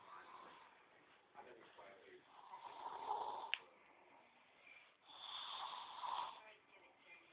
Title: My lil brother vs my cousin in snoring lmbo